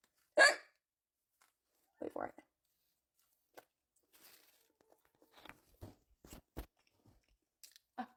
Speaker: talking to my brother about how I came up with a cure for the hiccups. And of course I have hiccups now.